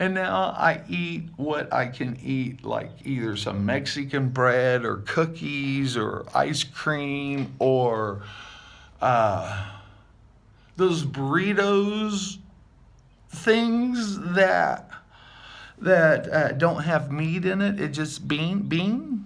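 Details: Adult man with aphasia after multiple strokes about seven years ago, with word-finding difficulty and hearing loss in one ear. Real speech showing aphasia.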